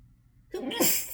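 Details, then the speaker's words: A single explosive, hissing sneeze after a brief quiet intake, within an unusually intense run of sneezing fits in someone sneezy all morning in rainy weather, sneezing into their hand. "Oh god, you guys, I never sneeze like that. What the hell? I can't even talk."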